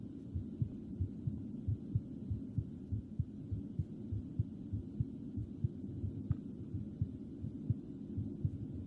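Steady, regular lub-dub heartbeats at roughly 95 a minute over a low, soft hum; a normal heartbeat.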